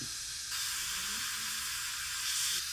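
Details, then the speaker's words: Steady high-pitched hiss of a dental air syringe drying etched enamel after rinsing, before applying adhesive to bond attachments for clear aligners. "So we'll rinse that, get it totally clean. And then we'll dry it."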